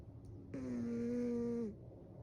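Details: Sleeping cat, snoring recorded to compare two cats: one steady, high-pitched whistling snore lasting about a second.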